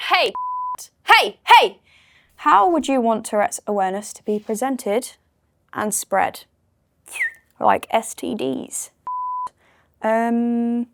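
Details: 19-year-old woman with Tourette syndrome with motor and vocal tics; onset around age 11, worsened after a trauma at 15; involuntary swearing tics during her speech; vocal tics with coprolalia.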